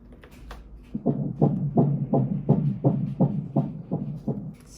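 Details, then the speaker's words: Fetal heartbeat on Doppler during a sonogram at 11 weeks 1 day of pregnancy: rapid, regular whooshing pulses measured at 160–170 beats per minute. "It's fast. See what we're measuring. Sound that fast somewhere. 160, 170."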